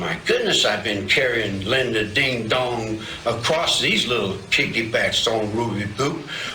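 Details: Real adult male shown as an example of psychotic symptoms, described as partly delusional and partly gibberish; disorganized speech (word salad).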